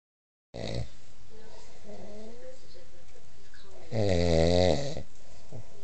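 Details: A sleeping adult husband gives a loud, deep, rattling snore after a brief earlier snort.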